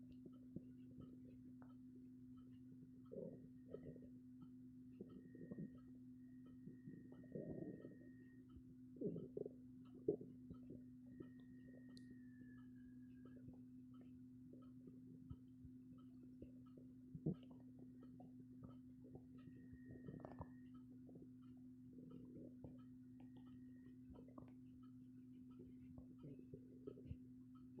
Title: Stomach growling very active